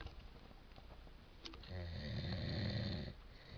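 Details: Sleeping adult man (father) snoring like a growling dog; single rough, low rattling breath sound with faint room noise: snoring.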